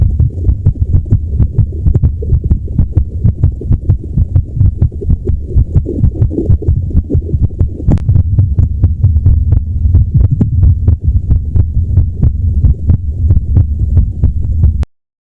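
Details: Heartbeat of a woman in her 30s with MS who is in palliative care and describes her rhythm as irregular: fast, closely spaced beats with uneven spacing over a steady low hum.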